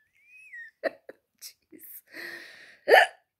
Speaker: hiccups hiccups are coming I'm sorry just ah okay if I'm near my phone I'm getting up sorry oh promise I'll let you know I'll film it oh I do it most when I eat and talk